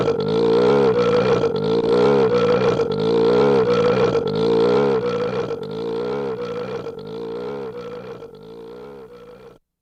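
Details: 1964 recording after larynx removal of esophageal voice, basic sound formed by cricopharyngeus muscle constriction: esophageal voice.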